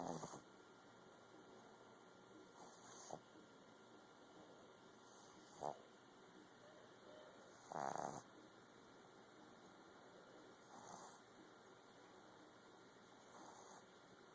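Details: Boston terrier puppy snoring in sleep: soft, short snuffling snores about every two to three seconds over steady room hiss.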